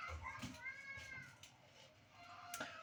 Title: Kelebekle meyve kestim (bebek ağlama sesi için kusura bakmayın) beğenmeyi unutma